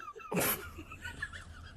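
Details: Accidental single loud explosive sneeze, followed by quiet voices in the room.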